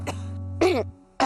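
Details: Brief acted cough bursts from an adult over steady background music, in a TV commercial for a cough remedy.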